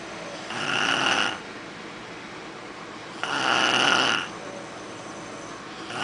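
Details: A snoring boy: two loud, rasping snores on breathing in, about three seconds apart, with quiet pauses between them.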